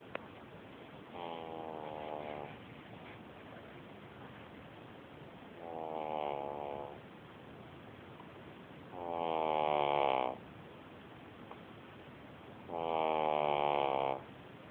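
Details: Sleeping horse making an unusual noise: four buzzing snores in about 15 seconds, roughly 16 a minute, evenly spaced over steady background hiss: regular snoring.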